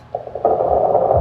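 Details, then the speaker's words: Lung crackles played as a teaching example: a rough crackling like burning firewood throughout breathing, said to mean phlegm stuck in and moving within the small airways. "Ang crackles, ang tunog niya, parang may nasusunog eh. Parang firewood burning."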